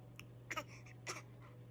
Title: Baby fake cough #baby #babygirlforlife #babygirlnation #babyfever